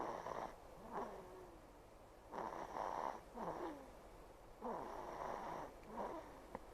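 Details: Sleeping 68-day-old baby girl, nasal mucus removed before dawn but some possibly still at the back of the nose: soft, irregular snoring breaths, about 24 a minute; infant snoring.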